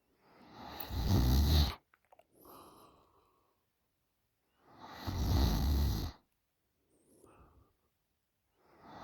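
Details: 20-year-old female asleep: loud, deep rattling snores on each in-breath with softer out-breaths, about 14 breaths a minute; loud snoring.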